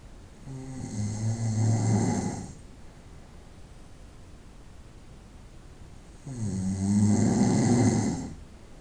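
Two long, loud, rattling snores on breathing in, separated by quiet breathing out; typical snoring in sleep.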